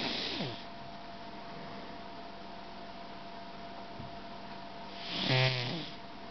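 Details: Snoring from a pet cat napping on the back of a couch: two soft, wheezy snores, one at the start and one near the end, with quiet breathing between.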